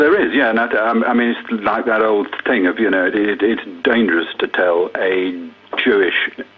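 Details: Stammer in an adult man who has to hurry his speech.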